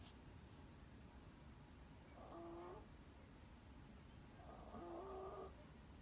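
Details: A sleeping cat gives two soft, whistling, slightly rising snores at about 23 breaths a minute in a quiet room: snoring.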